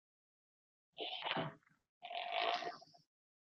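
Three buzzing bursts that swell and fade in loudness and pitch, like an engine revving: myotonic discharges on EMG.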